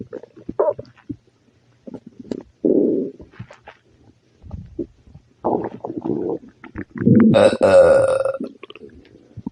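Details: Loud, frequent gurgling and rumbling bowel sounds with a burp-like groan near the end, stomach upset with growling after eating spicy food; loud bowel sounds.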